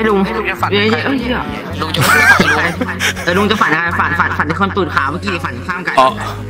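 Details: Male Thai speaker deliberately imitating a stutter as a prank, not a genuine disorder; imitated stuttering.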